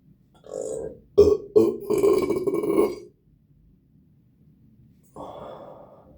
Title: Finishing a Starry, then letting out some big burps